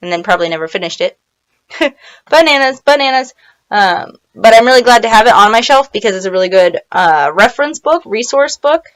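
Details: Woman with Tourette syndrome; vocal tic 'bananas bananas' occurs mid-speech; vocal tics (Tourette syndrome).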